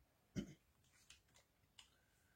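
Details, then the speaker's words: An adult with a hoarse, broken voice gives a single short cough or throat-clear while speaking, followed by a few faint lip and mouth sounds. "J'ai la voix cassée, pardon."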